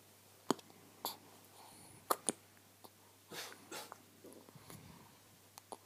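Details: Baby girl's first hiccups: short, sharp catches repeating irregularly, about 37 a minute, over quiet room noise.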